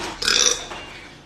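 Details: Young woman burping after drinking a strongly carbonated soda: a single loud, rough belch lasting about half a second, with quiet room sound before and after.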